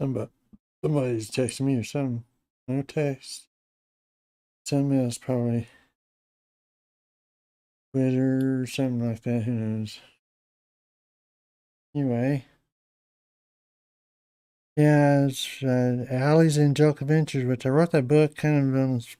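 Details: Adult man with Parkinson's disease for a little over 10 years, treated with deep brain stimulation since 2017, reporting his voice has declined and become less clear; Parkinsonian speech (hypokinetic dysarthria).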